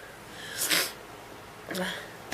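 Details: Person having a sneezing attack: two sharp, explosive sneezes about a second apart, each preceded by a brief intake of breath.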